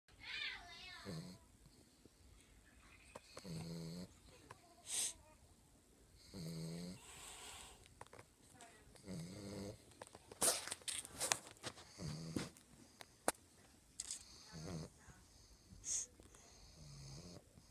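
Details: Repeated rattling, snorting snores about every three seconds with whistling nasal squeaks between them, from a sleeping pug, a flat-faced dog.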